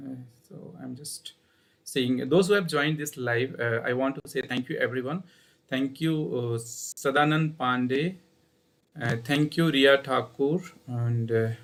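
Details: Adult male speaker; Ordinary speech.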